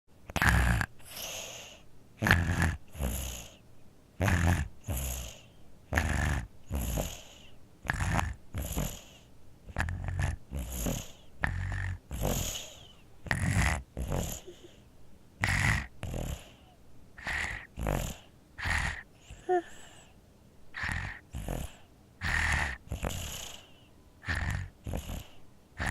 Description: Baby Infant Sleeps Snores With a Cold Congested (FREE SOUND FX)